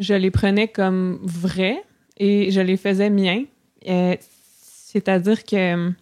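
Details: Adult woman who stutters; stuttering.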